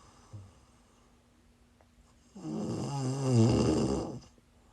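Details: A single loud, rattling inspiratory snore after a quiet pause in a quiet room; snoring from a person who is sick, recorded during a live stream.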